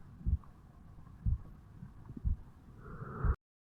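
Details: 35-year-old man's heartbeat recorded over the mitral (bicuspid) valve area on waking in the morning: three or four low thuds about a second apart, near 60 a minute, faint hiss, then cut off; resting heart sounds.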